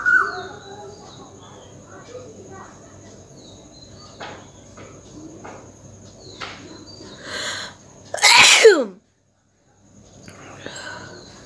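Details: Quiet sniffing and breathy inhalations build to one loud, explosive sneeze, then brief silence, with a steady high tone in the background, during nose blowing and sneezing.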